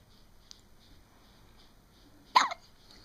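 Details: Quiet room, then a single short, abrupt burst of sound, consistent with a hiccup.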